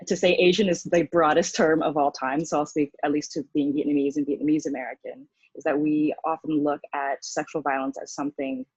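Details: Adult woman speaking; typical speech.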